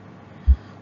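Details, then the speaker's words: Pediatric cardiac examination teaching: a dull low lub (AV valve closure) then the start of a dub about 0.4 s later (semilunar valve closure); normal first and second heart sounds. "the horse sounds are made by the closing of the heart valves we usually can hear the the blood dog the love is the closure of the AV valves the mitral and tricuspid"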